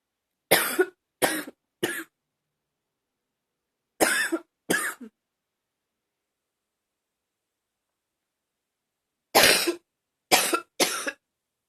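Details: Eight short dry coughs in three bursts separated by silent pauses; coughing.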